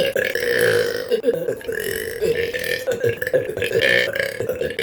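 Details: Deliberate burping run: long, loud, deep voiced belches almost continuously, with brief breaks between them; eructation.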